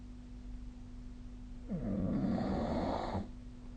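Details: Snoring during sleep: a single rough, rattling inspiratory noise lasting about a second and a half over a steady low hum.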